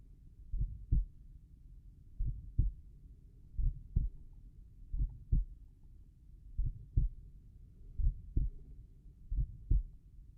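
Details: Slow, steady normal heart sounds at the tricuspid area, about 42 beats a minute, with paired lub-dub beats and quiet gaps between them.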